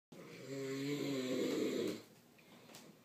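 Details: A single drawn-out, fluttering snore on breathing in, lasting about two seconds, then quiet; snoring.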